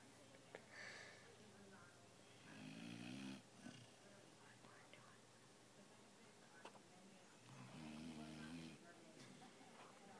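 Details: A dog snoring: two buzzing snores, each lasting about a second, about five seconds apart, over faint room noise.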